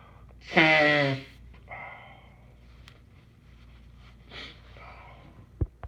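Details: Morning allergies: one loud voiced sneeze, followed by softer sniffs and snorting nasal breaths.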